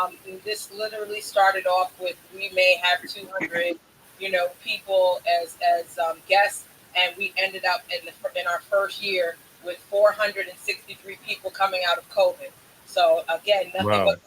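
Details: Adult speaker; normal speech.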